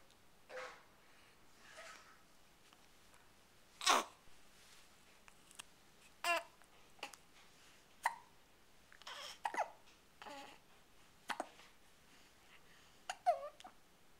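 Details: Infant with hiccups: sharp, sudden hiccups roughly every one to two seconds, mixed with soft babbling in a quiet room.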